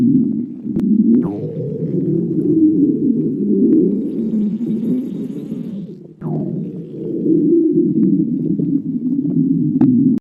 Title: stomach growling 43